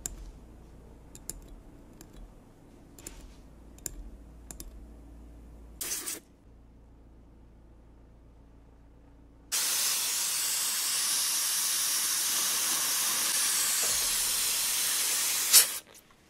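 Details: High-speed dental drill with water-spray coolant removing decay between front teeth on a mannequin (not a real patient) before composite filling: scattered instrument clicks, then about six seconds of steady high-pitched hissing whine.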